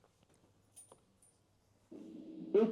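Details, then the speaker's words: Simulated hearing loss demonstration (a slightly milder degree than before): a single muffled, dull, indistinct two-syllable word, the same word replayed to show distorted speech perception with hearing loss. "Je vais vous faire entendre ce même mot avec une surdité un peu moindre."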